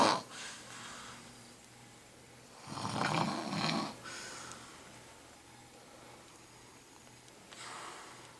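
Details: Grandma snoring loudly while asleep in a quiet room: rough snores, one louder snore in the middle with softer snores around it.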